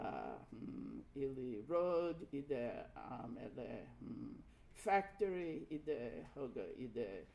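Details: Acted imitation by a lecturer of a trilingual patient with anterior (frontal) brain damage describing a picture, with effortful, non-fluent speech, hesitations and repetition: Broca's aphasia (non-fluent speech).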